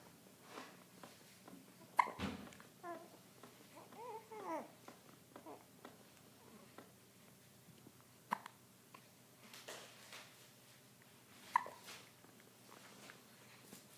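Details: A 3-week-old infant gives repeated brief, sharp hiccups roughly every few seconds amid soft coos and babbling; ordinary infant hiccups.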